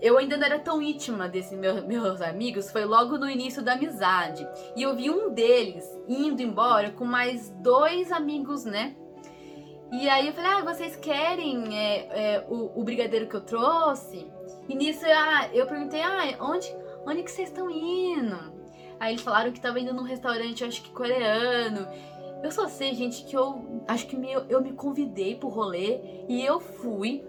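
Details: Adult woman who stutters, speaking Portuguese, with part-word and word repetitions; stuttering.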